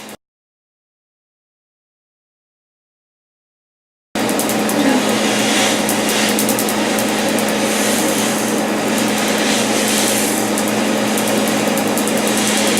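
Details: Brief silence, then a steady hum with rapid, regular snapping pulses about four a second: a laser firing during a later laser tattoo removal session on a darker, painful name tattoo in a clinic.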